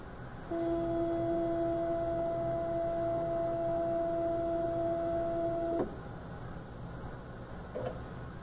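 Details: A steady hum-like tone lasting about five seconds, then stopping with a click, as a refurbished GE Achilles heel ultrasound bone densitometer runs its quality assurance scan on the phantom, with alcohol applied to the membranes.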